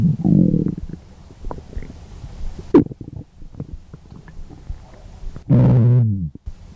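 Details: Adult's stomach growling (borborygmi): low gurgling belly rumbles, with a loud rolling growl near the start and another near the end.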